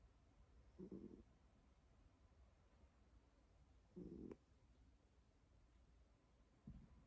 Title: 코고는 고양이 | snoring cat